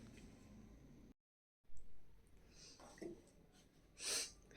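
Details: Woman with a heavy head cold and a watery runny nose, on a sick day: a quiet room with faint breathing, then one short, sharp sneeze near the end.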